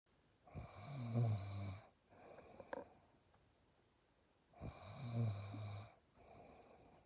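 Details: Two loud, low rattling snores on the in-breath with quieter out-breaths, about 17 breaths a minute; snoring.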